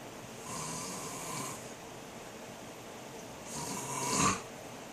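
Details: A sleeping adult man (a dad) snoring: two soft, hissing snoring breaths, the second ending in a brief snort, against steady room noise.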